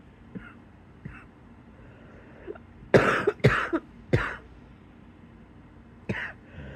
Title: # 153 wheezy cough in bed